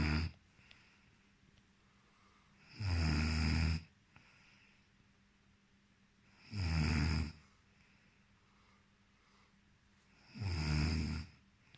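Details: Loud, low rattling snores about every four seconds, roughly 15 a minute, with quiet pauses between; typical snoring in a sleeping man.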